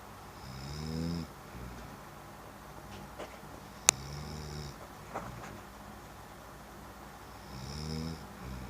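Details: Husband snoring: three deep, vibrating snores, each lasting about a second and spaced roughly every four seconds, over room noise and faint clicks.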